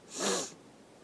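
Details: A sneeze attempted as a requested sneeze challenge, marked as a fail: a single short, sharp, hissing sneeze burst, then quiet.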